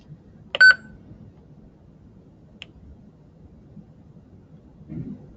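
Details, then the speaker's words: Defibtech Lifeline View AED trainer in training mode, power button pressed during a demo: a single short electronic start-up beep, then a faint click in a quiet room. "all you have to remember is to press the power button here and then the unit will take it from there"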